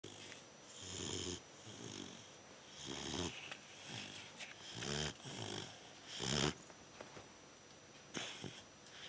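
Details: Snoring of a 3-month-old Bernese Mountain Dog puppy napping after a big meal: repeated raspy, fluttering snores with some whistling on breathing; ordinary snoring.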